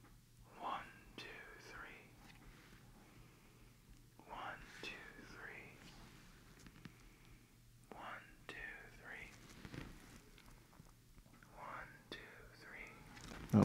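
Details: Standardized patient in an OSCE chest pain/shortness of breath exam whispering "one two three" as the stethoscope is placed on the chest: faint, muffled whispers through the chest wall, Eko recording edited for clarity; normal negative whispered pectoriloquy.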